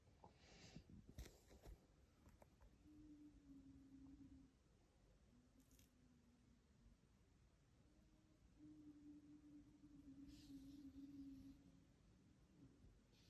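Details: A hospice patient in the actively dying phase makes quiet, low, drawn-out moans with each slow breath, separated by brief pauses: rhythmic end-of-life moaning with an altered breathing pattern.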